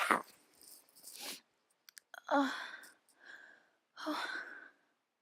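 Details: Sneezing with a cold and an itchy nose: a few abrupt, breathy sneeze bursts separated by pauses.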